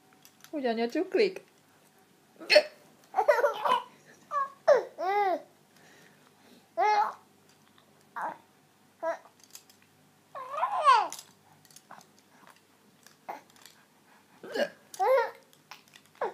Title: Funny mom hiccups